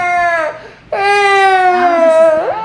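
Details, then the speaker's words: Loud, high-pitched, sustained crying in two drawn-out wails from a young boy in a tantrum after not getting to punch the camera; his father calls it fake crying. "mommy spoiling him it's fake quit fake crying"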